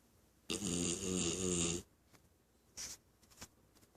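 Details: A 6-month-old English Cocker Spaniel puppy snoring: one loud, rattling snore lasting over a second, then a shorter snort-like breath in a quiet room.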